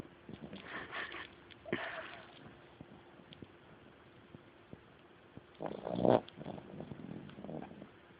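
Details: A sleeping dog breathes noisily, with rough, rattly snoring snorts on several breaths over quiet room noise.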